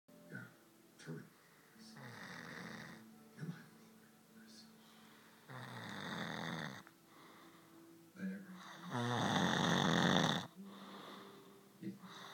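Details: Person snoring loudly during sleep: repeated rough, rattling breaths, some long and loud, others short snorts, irregularly spaced.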